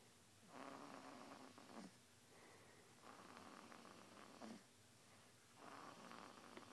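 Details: Snoring: slow, rough, rattling breaths, roughly 20 a minute, with a purring quality on each breath.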